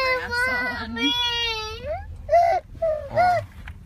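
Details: Young daughter crying after a llama sneezed on her face while feeding animals at a wildlife safari: high, wavering wail, then short whimpering sobs; ordinary upset crying.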